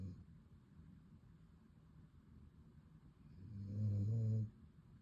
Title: Snuggle Time: My Dog’s Adorable Leg Lean & Pro-Level Snoring! 🐾💤